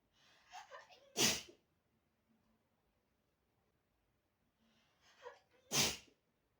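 Two sneezes, each with a quick catching inhale and then a sharp, explosive burst, separated by a few seconds of quiet.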